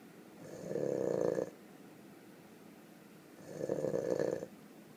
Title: Snoring in the burro